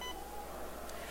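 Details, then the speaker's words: Short electronic beep tones over room noise as an Alaris IV infusion pump unit is switched on and boots up during a demonstration. "Okay, let's just turn it on. It's going to be hard for you guys to see it, but at least so that you have an idea."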